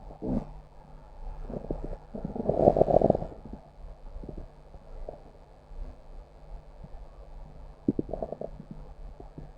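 Soft gurgles build to one longer rumbling growl, then fade to scattered small bubbling sounds; normal stomach growling.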